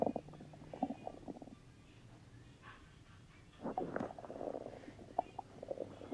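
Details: Stomach rumbling (borborygmi): quiet low gurgles and soft rumbles with pauses between, from gas and fluid moving through the gut.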